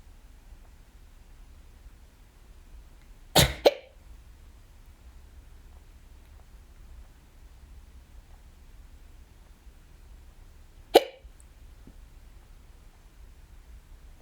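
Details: Hiccups, audio only, in a person home alone, from the first of several bouts that day: brief, sharp throat gulps, two close together and another several seconds later, over quiet room noise.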